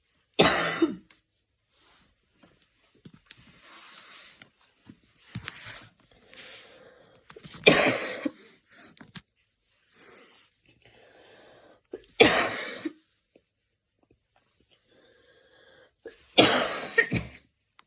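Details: Evening coughing fit while lying on the back; four forceful, harsh coughs spaced several seconds apart with quiet breathing and soft throat noises between.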